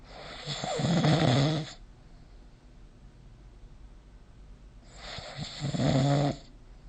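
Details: Snoring recorded with the SnoreLab smartphone app; snoring.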